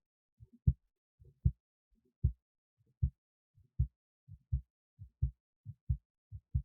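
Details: Own heartbeat recorded with an esophageal stethoscope resting in the esophagus near the heart, alongside EKG: regular paired low thumps, about 77 beats a minute. Normal heart sounds.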